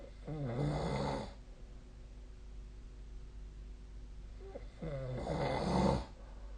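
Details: Snoring during sleep: two coarse, rumbling snores about four seconds apart, separated by quiet breathing.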